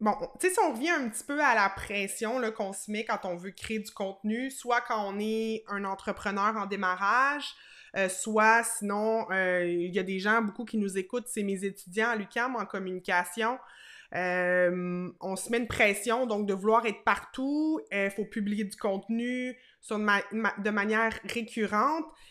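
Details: Adult woman speaking French; Ordinary speech.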